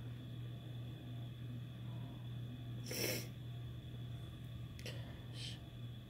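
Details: Sneeze brought on by chhinkni sneezing powder: a single brief, hissing, powerful sneeze burst over a steady low room hum.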